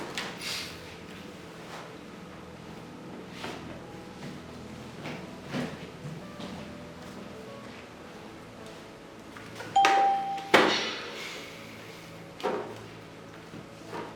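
Quiet room noise and soft knocks, then a brief electronic beep and chime from an AED training simulator; no voice prompts are audible.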